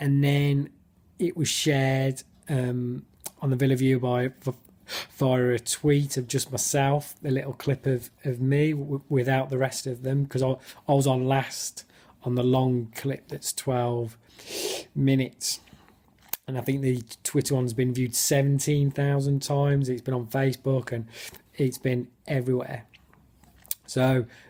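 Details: Adult who stammers; stuttering.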